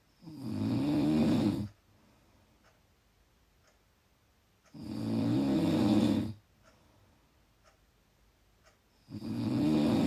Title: Loud Snoring